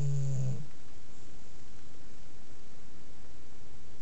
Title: Duncan the bulldog snoring.